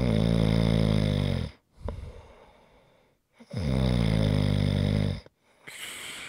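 Loud, drawn-out buzzing snores on each in-breath, about 18 a minute, with soft sighing out-breaths between. Heavy snoring.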